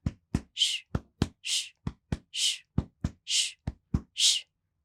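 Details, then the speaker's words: Vocal imitation of a diastolic murmur, occurring at or after S2 and finishing before or with S1: a short thump, then a whooshing 'shh' filling the pause before the next beat. "with a diastolic murmur the murmur occurs at or after S2 and finishes before or with S1"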